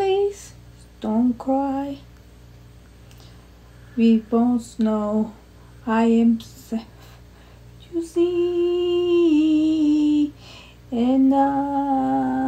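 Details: Adult woman with aphasia after a basal ganglia intracerebral hemorrhagic stroke on Thanksgiving Day 2019, struggling to get out intended words and repeating words haltingly; Broca's aphasia with apraxia of speech.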